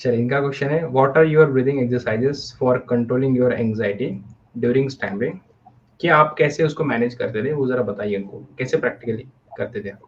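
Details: Adult male speaker; no disorder.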